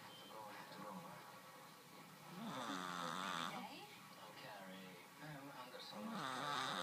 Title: Snoring cat